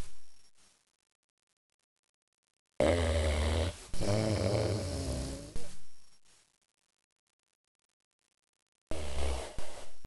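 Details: Large dog napping: low, grunting snores in short bursts with gaps of silence between breaths; snoring.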